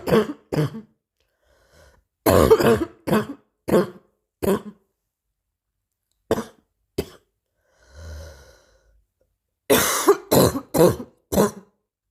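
Repeated bursts of short, dry coughs in three clusters, about fifteen coughs in all, with a soft breath between clusters.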